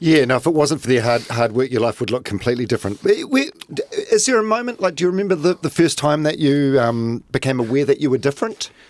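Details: Adult male speaker; typical speech.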